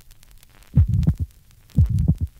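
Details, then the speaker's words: Pulmonary stenosis in a 1965 teaching recording, heard at the pulmonary area (second left interspace): slow heartbeat, ejection mid-systolic murmur, and an abnormally wide second-sound split that increases with inspiration, with a soft delayed pulmonary closure. "pulmonary valve closure is delayed and abnormally wide splitting of the second heart sound is conspicuous note that the splitting increases with inspiration and the second component or pulmonary valve closure is soft see figure 61."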